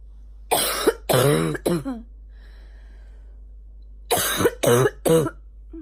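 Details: Female morning barking cough: two bursts of harsh, voiced, honking coughs over a low background hum.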